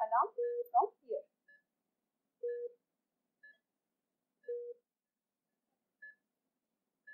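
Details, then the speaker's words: Short beep pattern, then single mid-pitched beeps about every two seconds with faint higher blips: alarm sound of a Philips IntelliVue MX430 bedside patient monitor in demo mode; patient monitor alarm. "and this is the alarm sound you can set the volume of your alarm"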